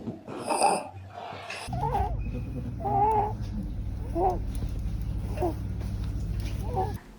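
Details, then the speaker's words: Baby or young child with recurring high-pitched, crowing sounds on each breath in, from forced breathing through a blocked upper airway, described by a pediatric pulmonologist: inspiratory stridor. "Strider इ a very high pitch sound ट इ produced न the child इ ट्रांग to inspire through a block रवे इसका मतलब जब सांस के रास्ते में कहीं पर रुकावट है कहीं पर ऑब्स्ट्रक्शन है और बच्चा उसको ओवरकम करके जोर से सांस लेने की कोशिश करता है तो एक अलग तरीके की आवाज आती है उसके सांस में"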